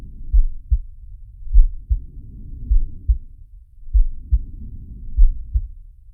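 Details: Heartbeat and breathing sound of the cartoon shark Sharko from the Zig and Sharko animated series: regular low double thumps through a stethoscope, about 100 a minute, with soft whooshing breaths between.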